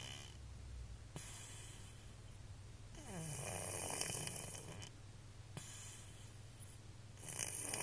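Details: Small sleeping cat: soft, rhythmic breathing with a gentle rattle on the breaths against quiet room noise; snoring.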